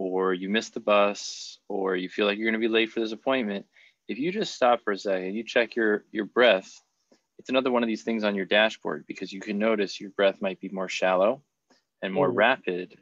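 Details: Adult male speaker; typical speech.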